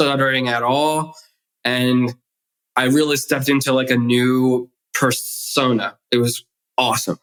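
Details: Adult male author and DJ who grew up with a stutter and was bullied for it, with the stutter still present as an adult: stuttering.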